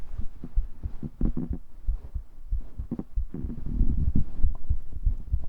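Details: Heartbeat in an ASMR cuddling roleplay, recorded with a 3dio binaural mic: soft, low, muffled steady thumping with a hum beneath and faint background music; ordinary heartbeat.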